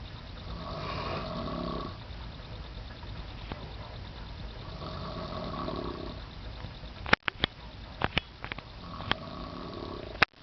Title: some loud snoring